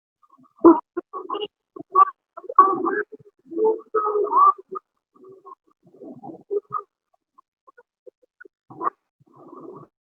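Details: Stridor.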